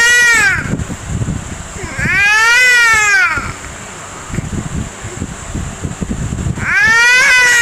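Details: Baby boy crying in a sing-song way.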